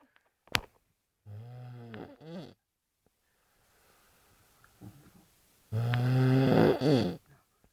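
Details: Ordinary heavy snoring from a sleeping man, likened to a toilet: loud, buzzing snorts on breathing in, separated by quiet pauses.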